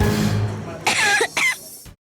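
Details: An adult waitress has a coughing fit after tasting a garlic-heavy dish, giving two harsh, forceful coughs in quick succession over a low background hum.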